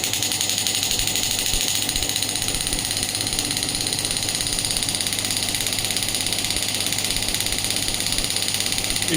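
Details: Radial pneumatic shockwave therapy device (shockwave plus ultrasound combination unit) firing while the frequency is adjusted: rapid, regular clicking pulses, roughly 140 per minute, with a hissing edge, device for tendinitis and arthritis pain.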